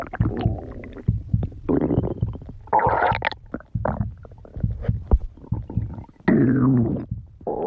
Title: Bunny girl stomach growling 2